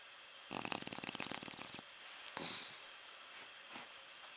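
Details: Sleeping dog deep in sleep: a quiet but steady, fluttering snore on the in-breath followed by a soft, airy out-breath; snoring.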